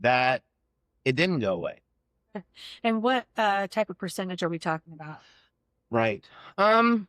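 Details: Adults in conversation; fluent speech.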